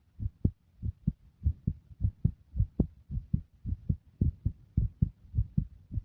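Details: A regular low thumping heartbeat in paired beats, about 100 to 110 a minute, recorded with the heartbeat visibly moving.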